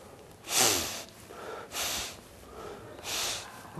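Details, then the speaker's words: Simulated snoring: an adult man demonstrates three loud, hissing, heavy breaths through the nose, imitating the heavy breathing rate he says causes snoring. "I made noise, didn't I? And I did it through my nose. Okay? Imagine through your mouth. It's the heavy rate of breathing that causes the noise."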